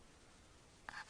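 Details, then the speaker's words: Sleeping child with obstructive sleep apnea: near silence while holding breath, then a brief catch and rising, noisy gulping inhalation as breathing resumes, gasp after apnea. "he's still holding his breath and that's going to gulp again there he goes"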